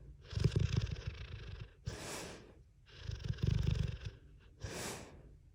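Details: Snoring: loud rattling snores on each in-breath, each followed by a hissing out-breath; two full breath cycles heard.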